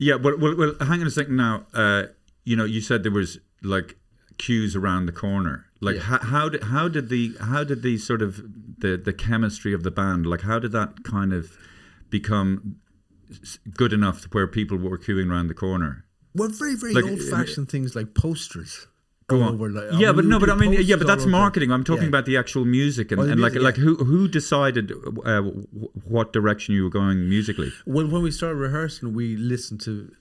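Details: Two adult men in conversation; normal conversational speech.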